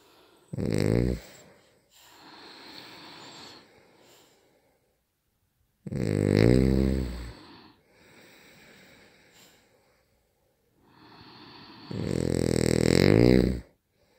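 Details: Loud rattling snores on each in-breath, about three over fourteen seconds, with softer airy out-breaths between; snoring, roughly 13 breaths a minute.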